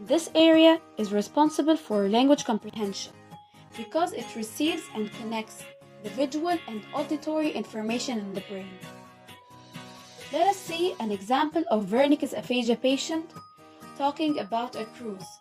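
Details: Adult female narrator; normal speech.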